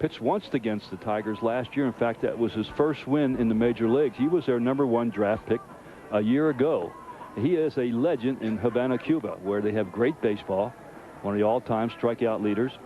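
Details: Adult male sports commentator; Normal speech.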